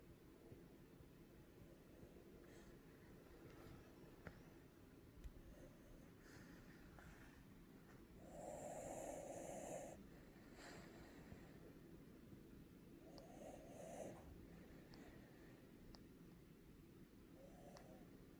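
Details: Normal breathing during sleep, recorded at 1:05 PM while asleep and dreaming, not wheezing (noted as rare): quiet, soft breaths with a few louder snuffly breaths, no wheeze.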